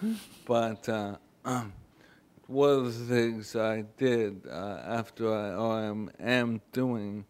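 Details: Adult man, former NFL player with ALS, a terminal illness, speaking on a 2012 panel; dysarthria (ALS).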